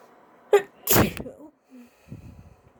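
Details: Sneeze induced with a tissue: a quick in-breath, then one explosive sneeze, followed by quiet sounds; a single ordinary sneeze.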